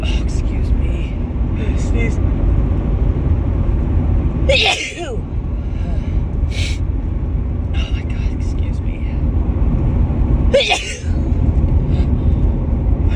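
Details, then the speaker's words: Two sharp sneezes about six seconds apart over loud car rumble from a woman with repeated allergy sneezing in March, sneezing especially in the car, unable to stop that morning. "Oh God, excuse me. Just can't stop sneezing this morning."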